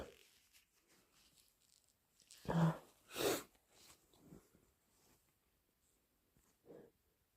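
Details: Sneezing: two loud, explosive sneezes close together, then softer snorting wet nose blows in a quiet room.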